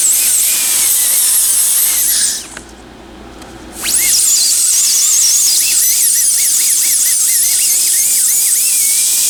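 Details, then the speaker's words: Loud high-pitched dental handpiece whine, briefly stopping and restarting: a blue football-shaped bur smoothing edges and cusps of a temporary crown so the patient, possibly still numb, keeps bite occlusion. "typically i use this one it's a blue football i just kind of take off the edges with it or like the cuffs here in a sense the only reason i do that is so that patient doesn't lose their temporary but bite occlusion especially if they're still numb"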